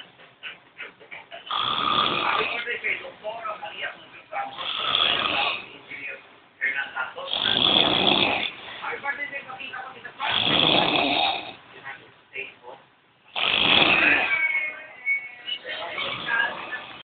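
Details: Very loud snoring that keeps the listener from sleeping: harsh, raspy snores about every three seconds, mixed with snorting and wheezy breathing out, in a small room.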